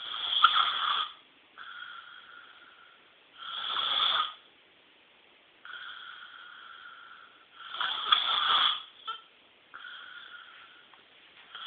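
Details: Chronic snoring; tonsillar hypertrophy queried. Alternating louder and softer snoring breaths, about 13 a minute, with a thin, filtered sound quality.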